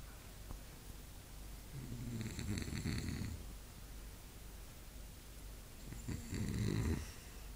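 Two low rumbling snores, each on an in-breath, with quiet breathing between them against steady room noise; ordinary snoring.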